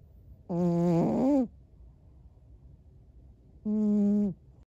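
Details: Snoring in a sleeping American Shorthair cat, described as human-like, with face twitching thought to be REM-sleep dreaming.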